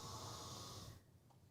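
A single low, rumbling, rattling breath with a breathy hiss, then near quiet: a snore from a sleeping adult.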